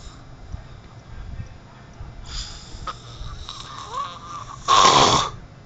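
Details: Roommate snoring with funny noises during sleep at 12:00; snoring.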